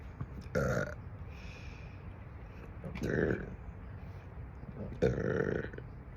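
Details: Adult over 50, reportedly gassy all the time, gives three loud, low, voiced belches a couple of seconds apart in a quiet room; repeated burping.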